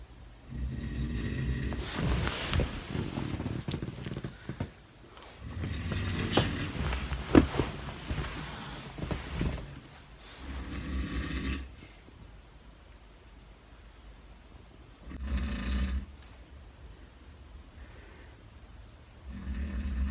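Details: Father genuinely asleep and snoring, recorded by his 17-year-old son in a shared room: loud, rough, rattling snores in irregular bursts separated by quiet pauses.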